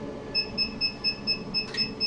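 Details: Diode laser hair removal machine on an adult woman's neck and beard hair: steady rapid high-pitched beeps about four a second over low hum as it fires pulses; patient reports it feels hot.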